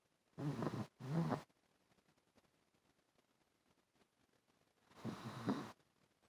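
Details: Kona snoring while asleep on the owner's chest, recorded on a phone with poor audio quality.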